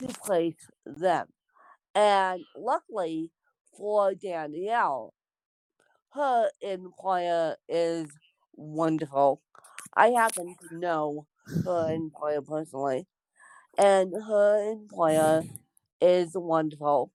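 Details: Dysarthria in an adult woman born with cerebral palsy.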